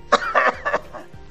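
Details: Coughing in a UNICEF hygiene-promotion video on coughing and sneezing: three or four short, sharp cough bursts close together, then quiet.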